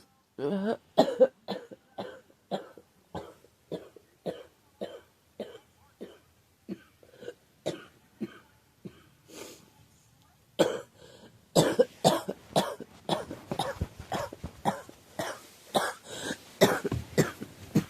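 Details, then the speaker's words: Girl who thinks she is getting a cold, with a scratchy, sore throat: long run of short, dry, hacking coughs, about two a second, then a quicker, harsher volley; repeated coughing. "I think I'm getting a cold or something, but I need a drink. Excuse me. Yeah, my throat's been kind of scratchy and it's kind of sore."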